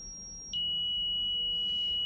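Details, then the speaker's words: Zoll defibrillator armed for a synchronized shock, with sync on and pads plus three-lead ECG on the patient. A high electronic charging tone switches to a steady lower tone when the defibrillator is charged and ready to shock. "we're going to go ahead and we are going to arm the defibrillator so if we can charge the device"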